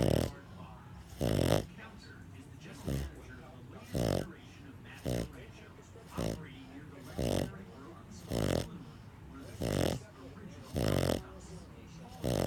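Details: Pug, a flat-faced dog, snoring in sleep after a tiring day at doggy day care: loud, rough snorting snores about 50 a minute.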